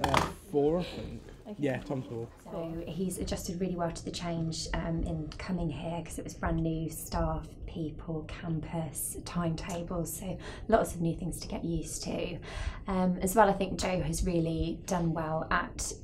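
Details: Adult woman speaking; no speech disorder.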